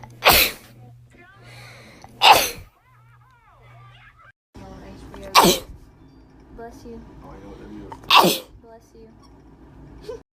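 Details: Four sudden, loud, explosive natural sneezes, left uncovered, with quiet talk and room noise between them; sneezing compilation.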